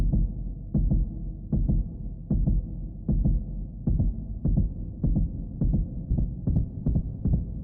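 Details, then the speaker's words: Steady paired low lub-dub thumps, about 77 beats a minute over a low hum: a normal heartbeat, given as an example of a body sound that is heard even in silence. "porque aunque no hagamos ruido con nuestra voz nuestro organismo genera ruidos incluso hasta el latido de su corazón también suena"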